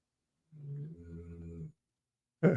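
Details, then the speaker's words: A dog snoring from across a quiet room: one drawn-out, low, rumbling snore, cut off by a brief louder noise. This is ordinary snoring. "Hear the snoring. Oh, you hear you hear Bella. Bella's Bella's all the way across the room. I can't believe it. Bella always everyone always hears you snoring, Bella."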